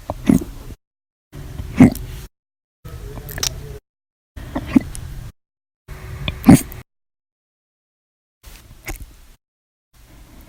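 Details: Violent, loud hiccups after eating and drinking soda: sharp, abrupt catches every one to two seconds, some loud, some faint.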